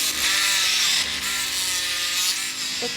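Continuous high-pitched buzzing and rasping of a powered saw cutting bone during knee replacement surgery.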